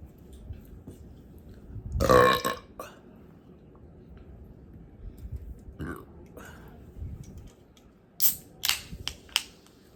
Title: Burping for my burp lovers